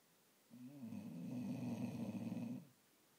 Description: Cutesy bulldog in the world snoring